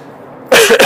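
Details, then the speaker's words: Speaker's single short, harsh cough burst after a quiet moment, a lingering winter cough that he says is slow to clear. "Bien, alors, c'est l'hiver, hein, vous voyez, donc j'ai un petit peu cette toux qui a du mal à passer."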